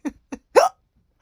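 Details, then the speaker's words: Simulated hiccups acted by a cartoon character in a fan-made ending: two small voiced hics, then a louder third hiccup, all within about a second; hiccups. "I got the hiccups."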